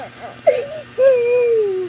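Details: A brief fussy whimper followed by a sustained wailing cry from a young child refusing the song Baa Baa Black Sheep at night, with tears; an ordinary cry of protest.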